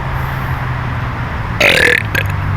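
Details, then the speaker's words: Young nephew burping on request: steady room or vehicle rumble, then a single loud, rough belch lasting about half a second with a brief tail; an ordinary burp. "What kind of soft belch is that? Give me a good one."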